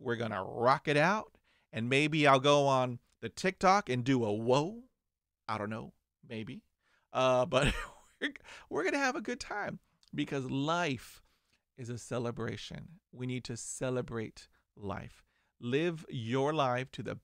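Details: 49-year-old man who stutters and still has blocks, managing it with diaphragmatic breathing, meditation, daily reading aloud and mirror practice; stuttering.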